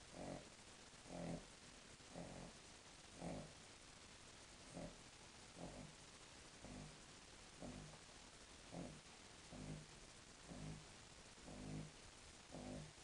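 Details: Snoring from a King Charles Spaniel, said to be quiet for her usual snoring.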